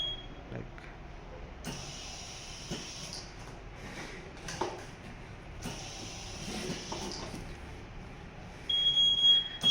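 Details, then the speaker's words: High-pitched electronic alarm beeps over machine noise and clatter from an anesthesia machine: low FiO2 alarm caused by a faulty oxygen sensor awaiting replacement. "this FIA to low error because uh here the O sensor is faultiest one. So we just ordered and waiting for the oxygen sensor."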